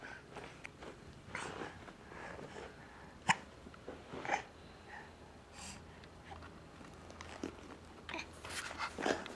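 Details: Hiccups: a few brief, sharp, irregular gulping catches against quiet room noise.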